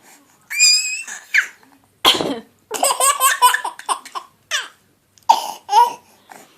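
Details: An adult gives a short, sharp cough while a baby boy at dinner bursts into high, squealing laughter before and after it.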